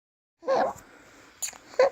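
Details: High-pitched squeaky noises on breaths in a 7-week-old baby: inspiratory stridor from laryngomalacia.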